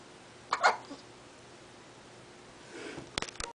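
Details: 2-week-old baby: a short sharp sneeze-like burst, then a few faint clicks, against quiet room noise; described as hiccups.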